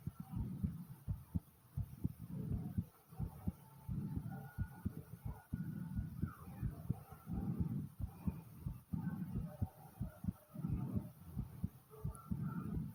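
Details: Soft normal heartbeat thumps, roughly 85 a minute, under slow, deep, whooshing breaths with stomach gurgling, recorded from the uploader's own body.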